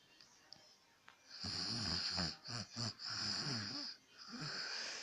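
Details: Adult father asleep at night, about 10:35 pm: loud rattling snore on in-breaths, broken by short pauses.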